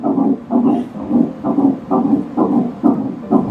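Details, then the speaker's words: A fetal heartbeat at around 6 weeks of pregnancy in the womb: rapid, regular whooshing pulses at about 128 beats per minute. "what you're listening to is a baby's heartbeat at around 6 weeks in the mother's womb this sound represents new life"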